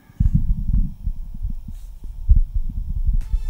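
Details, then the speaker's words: Adult's own heartbeat recorded through a Stemoscope Pro wireless digital stethoscope via phone app: low, muffled, normal thumping heart sounds with some rubbing noise. "once connected you click listen and record and you can automatically start hearing what it appears and here's an example of my heartbeat"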